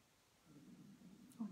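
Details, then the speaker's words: An adult's stomach rumbles audibly while speaking in a quiet room: a low, irregular gurgling rumble swells for about a second and ends in a louder burst (borborygmi). "rumbling sorry can you hear that i was really rumble"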